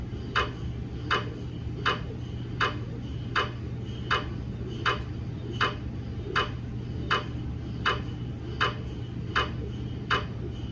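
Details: GE MRI daily quality-assurance (DQA) system verification scan on a 150 mm head TLT phantom, not a patient: regular sharp knocking about 80 a minute over a low steady hum, MRI scanner gradient noise.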